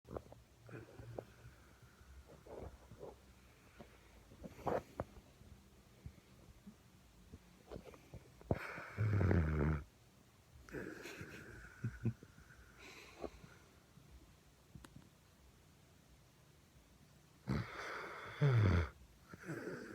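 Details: Sleeping pit bull snoring "like an old man": low, rumbling snores recur every eight to nine seconds, with faint breathing and small rustles between them.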